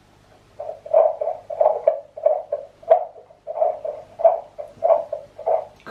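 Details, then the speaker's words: Pregnant woman at 20 weeks using a home fetal Doppler on her abdomen picks up her own heartbeat first: loud rhythmic whooshing pulses, about 92 a minute. This is the maternal heartbeat, not the fetus. "Okay. I think my heart's beating. It's so loud. Jeez."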